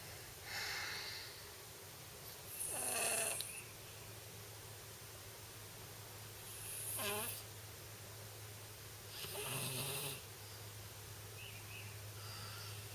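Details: Snoring from an old home recording: rattling snores with quieter out-breaths, about one every three seconds over a steady low hum.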